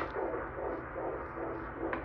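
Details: 21-year-old woman, 17 weeks pregnant, at a routine OB checkup: fast, regular whooshing pulses through a Doppler probe, about 150 a minute; fetal heartbeat.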